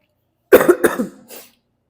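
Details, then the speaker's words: Adult preacher who says their voice is affected and they have a cough gives two sharp cough bursts in quick succession, then a softer third, with no speech. "os irmãos me perdoem eu já minha voz tá um pouquinho tô com uma tosse irmãos"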